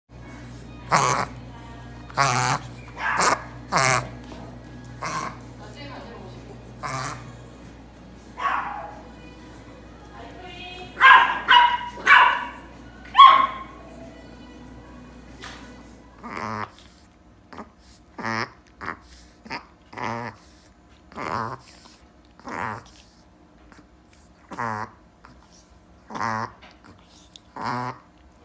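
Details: A dog in a reverse sneezing episode: repeated loud, snorting inward breaths, easily mistaken for coughing.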